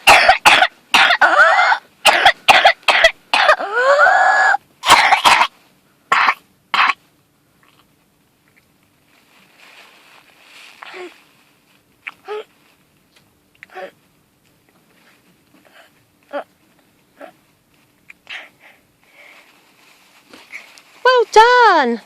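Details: Whooping cough (pertussis) paroxysm in a fully immunised 7-year-old girl: a rapid run of about a dozen harsh coughs, then quiet breaths and a high, drawn-in whoop sound.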